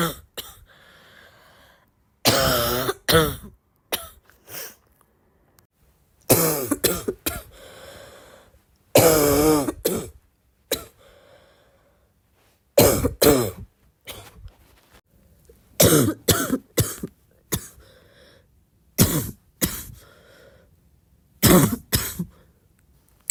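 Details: Sick girl's congested barky cough: repeated harsh, barking coughs in short bursts with a wet, congested quality, suggesting an irritated, mucus-laden airway.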